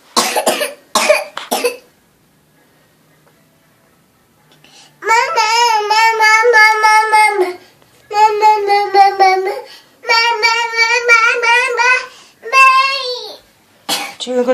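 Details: A young child coughs and is then told to take some medicine: cough.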